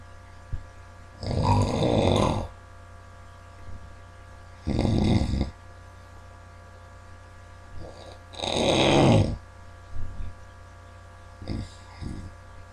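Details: Loud, rough, rattling snoring from someone sleeping hard: about three long bursts with quiet pauses between, over a steady electrical hum.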